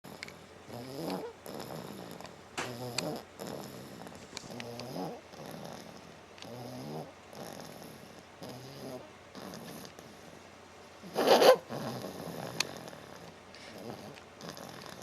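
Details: Snoring during sleep: repeated soft, fluttering snore-like breathing sounds with a brief louder snort partway through.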